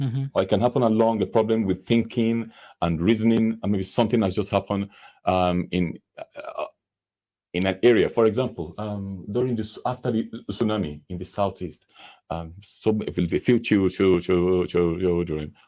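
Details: Stammering (stuttering) in a man who says he stammers himself.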